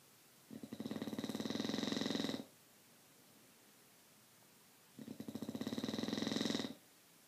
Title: snoring